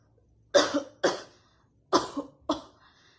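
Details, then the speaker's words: Nursing student demonstrating cough etiquette, coughing into a tissue: four short, dry, deliberate coughs in a quiet room; voluntary cough. "Oke, untuk cara batuknya saya praktikkan ya. Caranya gini."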